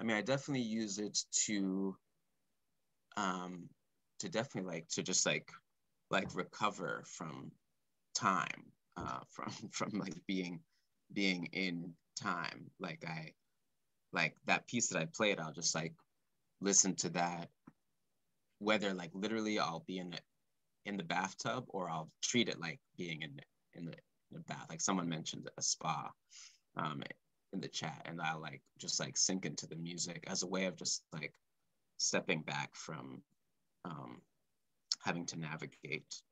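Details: Male composer who has stuttered since about age four or five, speaking live, with repeated words and phrases; stuttering.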